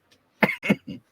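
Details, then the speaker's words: Three quick, harsh cough bursts in a quiet room, likened to a smoker's cough; cougher says it's from yelling at a football game; cough. "Yeah, damn. That sounds like a smoker's cough."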